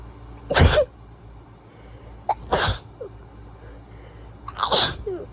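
Three loud, forceful sneezes in quick succession, each with a short inward breath before the burst.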